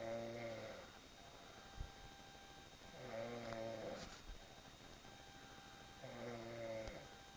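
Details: The recorder's sister snoring: three rhythmic, buzzing inhaled snores, about 19 a minute, with quiet pauses and steady room hum between them; ordinary snoring.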